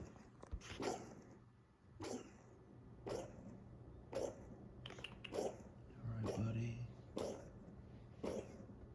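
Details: A dog gives a run of about eight harsh, forceful coughs, roughly one a second: a coughing fit.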